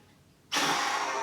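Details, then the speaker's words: Adult male with chronic asthma, worsening airway irritation since flu eight weeks ago, medicine expired, performs hard fast forced exhalation into peak flow meter at GP visit; sudden loud sustained rush of blown air; readings 570 then 590. "do you remember how to do this peak flow yeah so hard and fast flow please"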